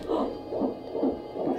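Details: Fetal Doppler at 25 weeks of pregnancy, baby boy: rapid rhythmic whooshing pulses at about 140 a minute, a normal fetal heartbeat.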